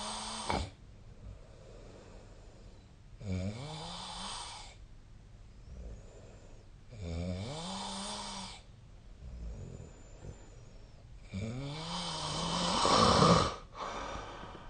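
Loud, rattling snores on inhalation, about every four seconds, with quiet exhalations between; ordinary snoring during sleep.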